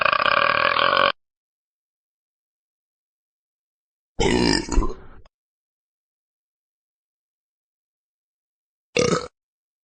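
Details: Burp sound-effect recording: three belches with silence between, a long steady one, a rougher gurgling one, then a short final burp.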